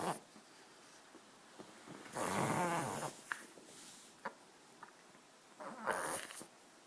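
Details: Dog having a reverse sneezing episode: loud snorting inward breaths in short runs in a quiet room; owner says episodes are easy to stop.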